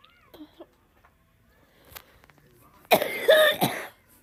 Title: tiktok cough comp 6